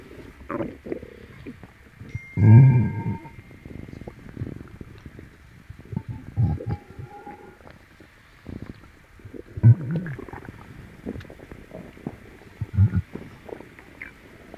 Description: I stroke my poor tummy clockwise it hurts and gets upset... I must have eaten something or I will still be filming these tummy sounds:(